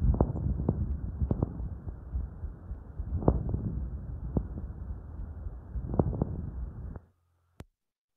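Coarse, grating, creaking chest sounds with scattered sharp clicks over a rough low rustle: a pleural friction rub.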